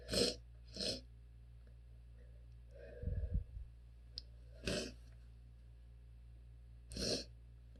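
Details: Allergy sneezing with attempts to hold sneezes back: several forceful sneezes with short breaks between them and a muffled, stifled sneeze partway through; repeated sneezing.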